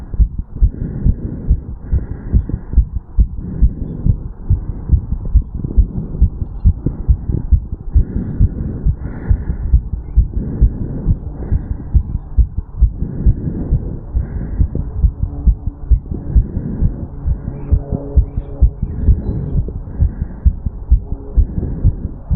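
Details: 35-year-old male, heart sounds recorded over the mitral/bicuspid valve area after an afternoon walk/sprint: fast, regular heartbeat at about 136 beats per minute after exertion.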